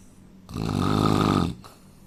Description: indian man snoring sound asmr soud problem